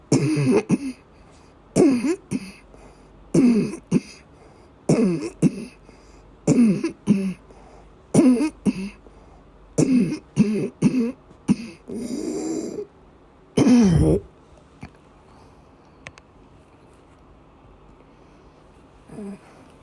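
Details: Female patient with persistent asthma attacks and migraine-cluster headache complex, coughing and vomiting: a run of about nine harsh paired cough bursts, then a strained, retching-like sound.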